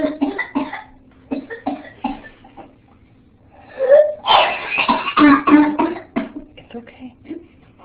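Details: 8-year-old girl with pertussis (whooping cough), later complicated by secondary pneumonia, gives clusters of harsh, voiced coughs in rapid runs. There is no clearly defined whoop, unlike in babies.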